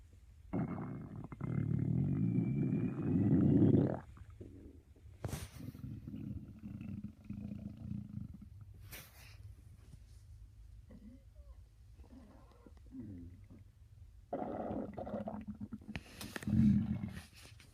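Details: Low, gurgling rumbles in several long bursts, typical of an empty stomach growling early in the day; stomach growling (borborygmi).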